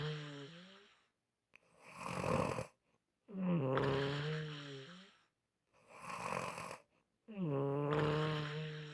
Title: Unusual Snoring Sounds